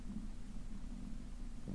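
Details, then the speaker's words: Adult's stomach growling (borborygmi) heard live, described as loud pressure then a shift and bubbling; steady deep bubbling rumble, likely from not eating before the stream. "growl. Can you hear it? Oh my God, it's so loud. Like I can feel the pressure and then the shift and it's like bubbling."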